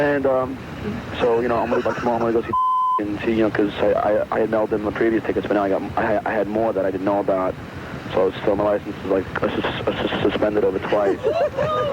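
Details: Adult man with a known stutter leaving an answering-machine message; real; the hosts call it possibly his worst stuttering episode ever; stuttering.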